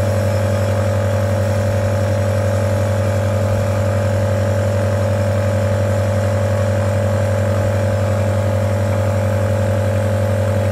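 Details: Omron NE-C28 compressor nebulizer compared with a mesh nebulizer: loud, steady mechanical hum with a fast buzzing pulse, continuous throughout, motor running normally.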